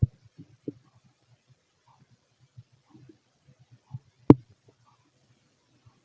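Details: Scattered soft low gurgles and a few sharper pops at irregular intervals from an empty stomach; stomach growling (bowel sounds).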